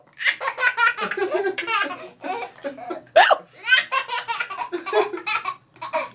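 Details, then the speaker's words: Giggly vocal sounds broken by a sharp, sudden gulping catch; a mother's pretend (simulated) hiccups in the bathtub while her child laughs; hiccups. "Help. I have the hiccups."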